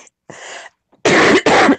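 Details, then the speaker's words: Adult woman's sudden, painful cough: a soft throat noise, then two loud, harsh, back-to-back forceful coughs; she says it began unexpectedly and her breath does not last as long. "this cough is like killing me. Holy shit. Yeah, that sounds bad, girl."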